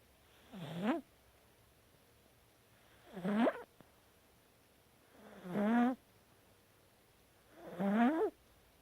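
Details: Cat snoring in sleep: four soft, whistling, rising snores about every two and a half seconds, roughly 25 breaths a minute.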